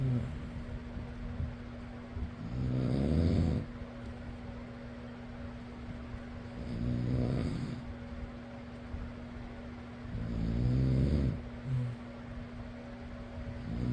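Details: Person snoring: three loud, low rumbling snores at roughly 13 breaths a minute over a steady fan hum; ordinary snoring.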